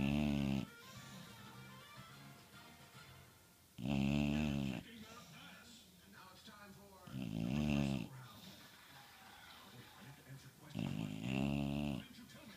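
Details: Sleeping dog snoring: loud, rumbling snores with quieter breathing noise between them; ordinary snoring.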